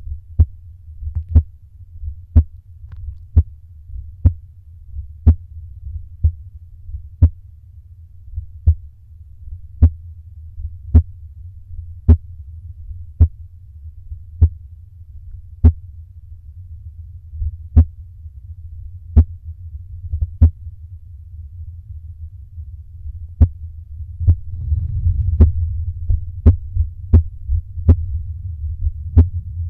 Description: doing exhale holds tryin to make her go slow slow